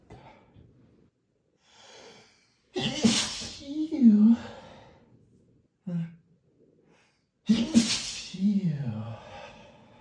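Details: Male sneezing in a hotel room: two forceful sneezes, each a sharp explosive burst with a trailing voiced sound, plus quieter breaths and sniffs in a quiet room; sneezing fit.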